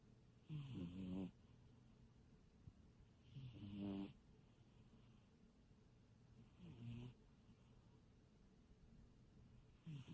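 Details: Sleeping cat snoring: soft, low rattling snores about every three seconds, roughly 20 per minute, over quiet room noise.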